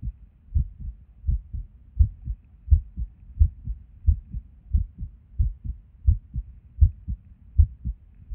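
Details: Resting heartbeat recorded at Erb's point while sitting at a desk, about 80 a minute with uneven spacing; irregular rhythm with skipped beats, occurring with and without apparent reason.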